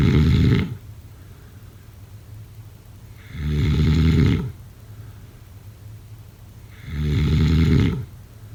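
Three loud, rattling snores on regular breaths, about 17 a minute, with quiet pauses between them.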